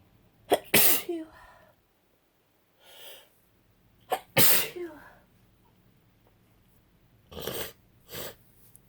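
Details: Two forceful sneezes, each preceded by a sharp inward breath, then sniffing and nose noises; repeated morning sneezing with a head cold.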